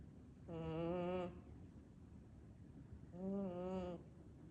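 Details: Two slow, drawn-out, voiced breaths, each with a steady buzzing tone, from Sophie, a cat sleeping deeply and snoring loudly.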